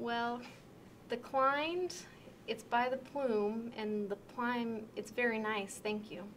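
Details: Severe Wernicke's aphasia, an acquired language disorder, with impaired comprehension and difficulty taking part in conversation; replies are out of context and include made-up words. Wernicke's aphasia.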